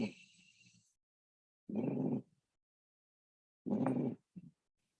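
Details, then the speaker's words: Exam-style (NCLEX) lung sound clip of rhonchi: low, coarse rumbling breath sounds in short bursts, indicating bronchitis. "Now, before looking at the options here, it sounds like a rhonchi rumble. So with rhonchi, you have to think bronchi, specifically bronchitis."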